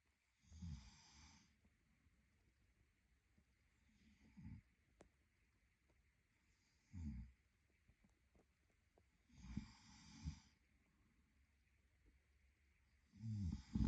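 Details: Adult male sleeping: low, rattling snores with each breath every few seconds over a quiet room hiss; ordinary sleep snoring.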